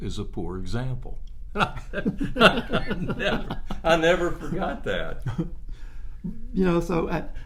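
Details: Adult man speaking; ordinary speech.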